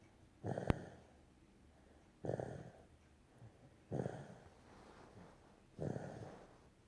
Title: Baby Snores